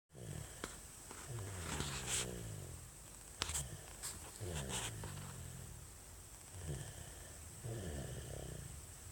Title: Baby snoring